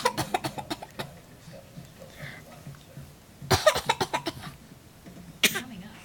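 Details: A young boy, encouraged by his mother, gives brief runs of short, dry, deliberate fake coughs in a quiet room; voluntary cough.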